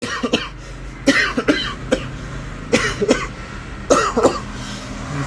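Repeated short dry coughs, six or so bursts in clusters, acted by an adult over low background hum.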